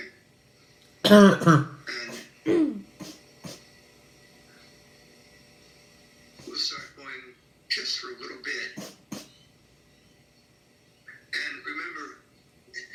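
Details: Child in Australia with chronic non-productive (dry) habit cough: repeated loud, dry, harsh coughs and throat-clearing bursts in clusters with quiet gaps.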